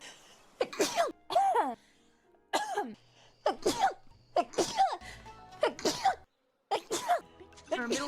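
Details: A streamer's sneezing fit lasting about 51 seconds: a rapid run of repeated voiced sneezes, one after another, over light background music.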